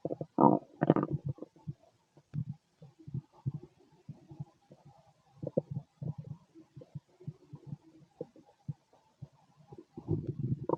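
Irregular gurgling and bubbling rumbles with a few louder growls, typical stomach growling from gas and fluid moving through the gut.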